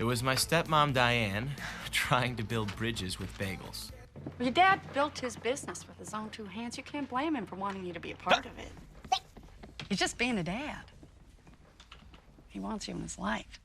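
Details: Adult speakers in a film scene; ordinary speech.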